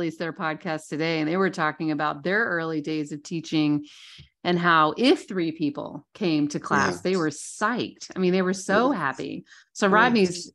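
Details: Adult female speaker; normal speech.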